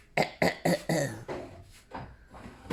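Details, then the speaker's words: Young child putting on a feigned barking cough: a quick run of harsh, barking coughs that are manipulative rather than genuine. "paquete pura manipulación desde chiquito por timo bueno en el pasado"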